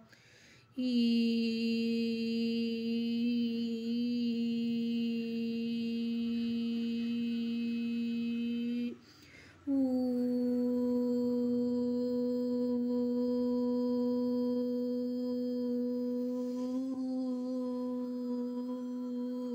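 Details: Normal voice quality in a singer previously treated for hoarse voice (dysphonia), recorded after 2 weeks of online voice therapy.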